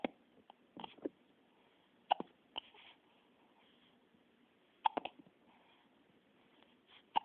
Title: Hiccups!